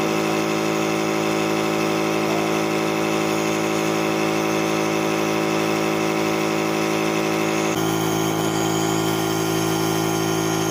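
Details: Nebulizer compressor running during a treatment for pet pugs: continuous buzzing motor drone with a steady vibrating whine.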